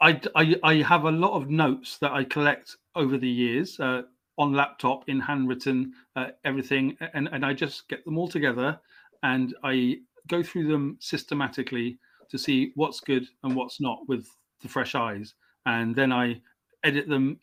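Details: Stuttering (stammering) in an adult male English writer, stammering since age five, coming and going; he received speech therapy at 29.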